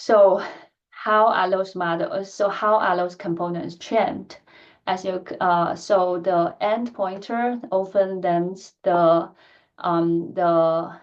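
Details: Stuttering in an adult woman who stutters; she reports that her stuttering pattern varies greatly depending on who she is speaking to and the situation.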